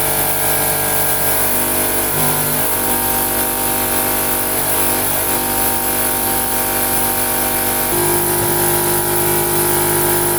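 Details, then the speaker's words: Suction machine switched on and checked before demonstrating suctioning of an infant to remove secretions: steady loud motor drone with a constant whine throughout. "I'm gonna put my suction machine on and we want to make sure that our motion is working"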